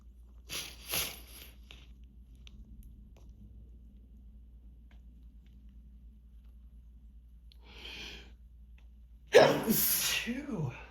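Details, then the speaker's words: Two explosive sneezes separated by quiet breathing in a small hotel room, part of endless repeated sneezing from grass pollen allergy on days without allergy medication, with a pink nose; allergic rhinitis. "Oh, I gotta. I just gotta sneeze."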